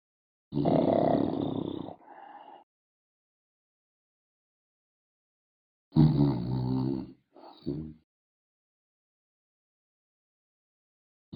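Two loud rough, rumbling nasal snorts separated by silence, each trailing off into a shorter snuffle; snorting noises.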